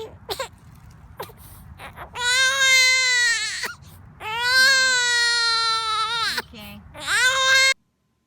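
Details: Loud, high-pitched crying from a sleepy infant girl with hiccups and a scratched face, in sustained wails with brief pauses and whimpers between; ordinary infant crying.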